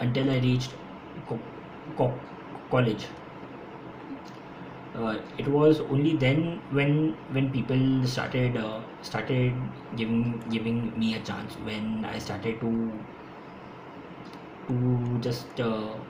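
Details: Stuttering in an adult man who has stammered since school and says he stammers more when speaking faster; his own speech, with repetitions.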